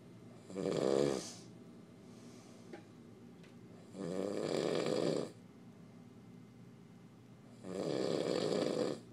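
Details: Three loud, rough snoring breaths in about nine seconds with quiet pauses, from a tired sleeping male in the dark; ordinary snoring.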